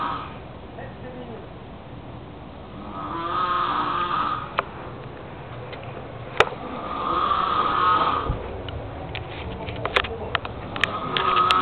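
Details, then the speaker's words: Sleeping adult man (stepdad) snoring very loudly: two long, rough, rattling breaths over steady room noise with a few clicks. "Okay, so, I'm just sitting here on my computer, and my stepdad is snoring so loud, and it's just so funny, so I'm gonna get you guys to check it out, because it's just the funniest thing in the world."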